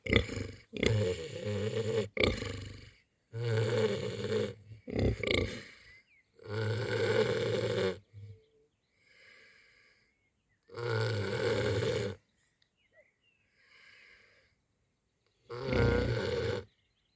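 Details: Winston and Boris snoring happily on a warm spring evening: loud, rough, rumbling snores in long bursts separated by quiet pauses, some softer between; heavy sleep snoring.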